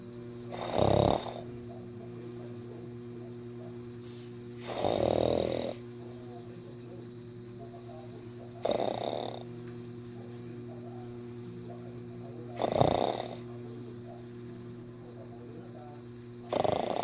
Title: snore pamore😴😴🤣